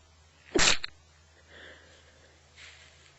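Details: A person in bed with a cold and a completely blocked nose gives a single wet sneeze, naturally held back by congestion: a sharp explosive burst with a brief spray of air, then quiet breathing.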